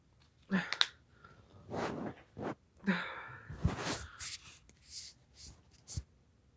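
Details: Sneezes deliberately provoked by sniffing black pepper: sharp catching inhalations followed by a few explosive sneezes in quick succession.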